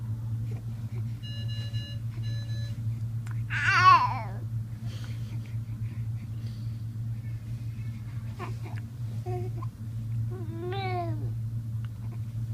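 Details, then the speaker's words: Hospital stay of a baby boy on a bedside monitor for breathing: repeated electronic alarm beeps over a steady low machine hum, with brief baby sounds, while no nurse comes to silence it. "The nurse doesn't want to come and stop that beeping."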